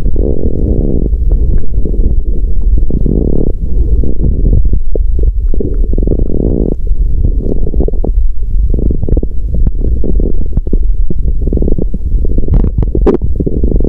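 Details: Woman's stomach growling after exercising on an empty stomach, with nausea: loud, continuous low gurgling and rumbling from the abdomen.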